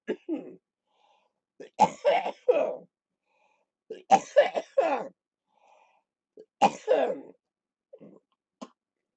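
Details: Repeated bouts of two to three harsh, loose coughs with pauses between. This is a productive cough in cystic fibrosis during lower-lobe chest physiotherapy, with rattling in the chest.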